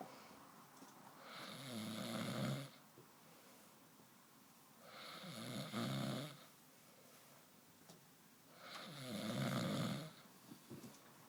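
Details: Loud, rattling snores on inhalation, about 16 a minute, with quiet exhalations between; ordinary snoring.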